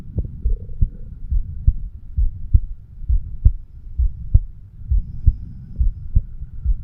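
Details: 36-year-old man recording his own heart with a homemade microphone stethoscope over the mitral (bicuspid) valve area: regular lub-dub about 67 beats a minute over low steady hum: normal heart sounds.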